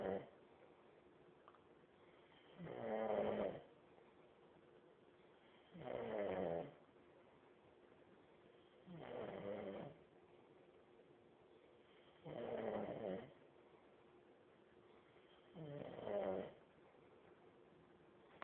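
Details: Heavy snoring like a chainsaw: loud rattling snores recurring about every three seconds, about 19 a minute, with quiet between them.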